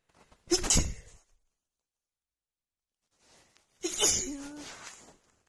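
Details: Two forceful, hissing sneezes a few seconds apart, the second trailing into a voiced sound; a morning sneezing fit that the person puts down to seasonal allergies acting up just before spring.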